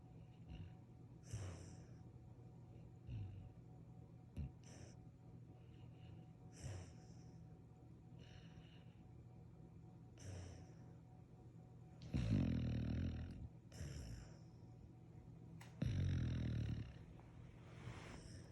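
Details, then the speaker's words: Ordinary sleep snoring: soft, regular snorting breaths about every two seconds with a louder rattling snore twice. "Hi. You have a good dream? You're snoring."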